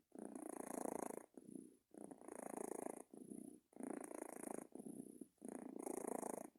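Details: Sleeping cat makes a steady, fluttering rumble on both in- and out-breaths, about 33 breaths a minute; owner unsure whether snoring or other weird sounds, possibly purring.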